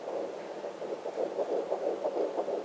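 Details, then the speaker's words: Placental sound on a home Sonotech Pro fetal Doppler, probe low on the abdomen: rushing, whooshing pulses over the placenta, echoing the mother's heartbeat; a normal finding. "Okay. So, that's my placenta. You're hearing loud. Just an echo of my heartbeat."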